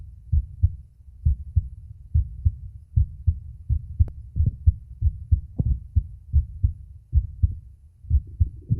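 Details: Normal heart sounds of a male, self-recorded with a phone microphone held at the cardiac auscultation spots, pushes at the end: steady, clear, regular lub-dub at about 75 beats a minute.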